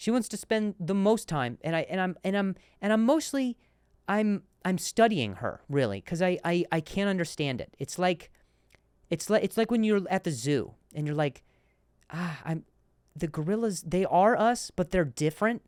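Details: Male comedian hosting a podcast about his stutter; repeated words and broken-off words; stuttering.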